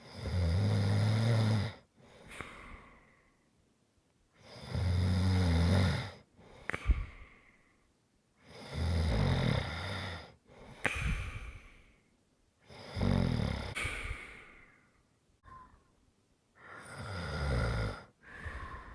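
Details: Deep rumbling snores about 15 a minute, each followed by a short snorting exhale with lip flutter; heavy snoring during sleep.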